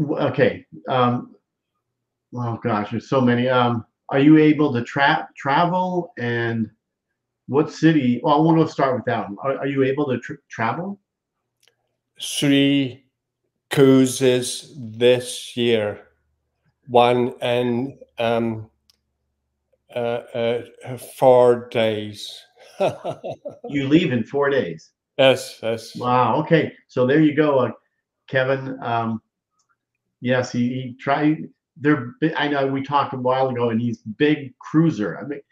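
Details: Aphasia in a male speaker.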